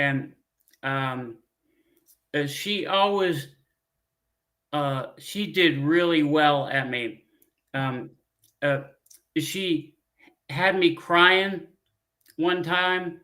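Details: Man, a former pilot, with aphasia from a stroke 15 years ago; he cannot read or write; speech with frequent fillers, pauses and word-finding difficulty; aphasia after stroke.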